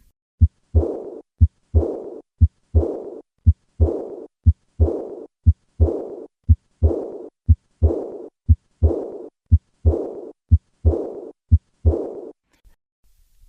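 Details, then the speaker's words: Aortic regurgitation: a high-pitched, blowing, decrescendo diastolic murmur at the left sternal border, heard at rest and then during a handgrip maneuver, when it grows louder with the increased afterload. "This murmur gets louder with an increase in afterload. Notice the change in this murmur with a hand grip maneuver."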